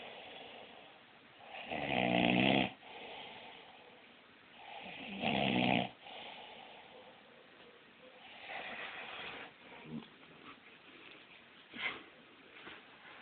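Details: A father snores while asleep, said to sound like an old car. Harsh, loud snores on each breath in, then softer rattling breaths out; ordinary heavy snoring.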